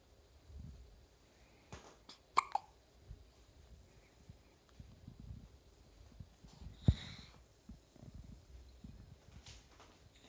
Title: has hiccups